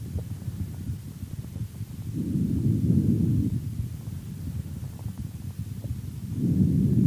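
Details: Pediatric auscultation teaching recording of the chest: normal vesicular breath sounds.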